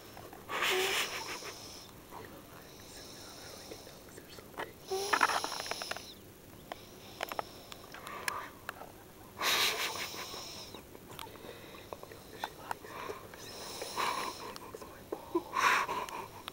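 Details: Irregular noisy snoring breaths at about 14 a minute, with rough fluttering bursts separated by quiet pauses; snoring.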